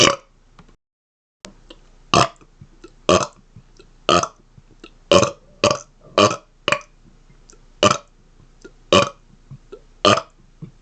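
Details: Deliberate rapid-fire burping: a rapid run of loud, voiced belches, about 56 a minute at an uneven pace.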